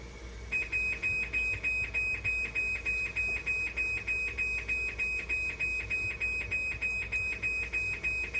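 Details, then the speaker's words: Dialysis machine alarm after its 9-volt backup battery was removed and failed the battery test, not a dialysis problem: rapid, regular high-pitched beeps, about three per second. "Nag-fail yung 9 volt yung battery, tinanggal ko kasi kanina, nag-alarm. So, walang problema yan, yung battery lang."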